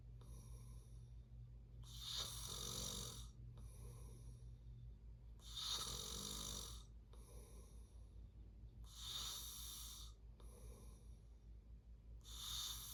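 Rough, rattling snores on each breath in, with quieter breaths between, about 18 breaths a minute; snoring during sleep.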